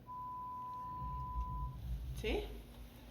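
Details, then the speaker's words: A steady, clean single-pitch tone under two seconds over low room hum, a pure tone stimulus played by an audiometer in a demonstration of how it works. "entonces no sé si lo pongan un volumen alto tal vez puedas llegar a captar este sonido entonces un tono puro"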